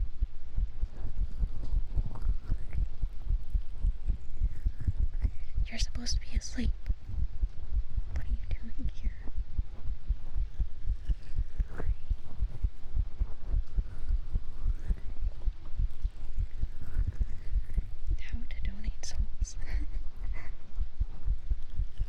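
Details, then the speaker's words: Muffled, steady, low heartbeat thumps heard through the chest during an ASMR stream, with occasional stomach gurgles after eating a sandwich. "I guess that's how you know it's actually my heartbeat and not like a sound bite cuz you can hear my stomach too."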